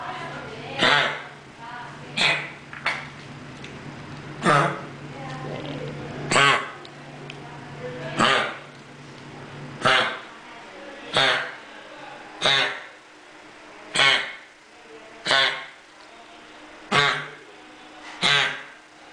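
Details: Dog with kennel cough: repeated harsh, honking coughs with a retching quality, about 13 bursts at regular intervals.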